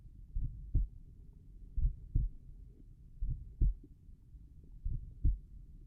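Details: Slow, regular lub-dub heartbeats at about 41 a minute, described as slow tricuspid valve heart sounds, with clean paired sounds and no added noises; normal heart sounds.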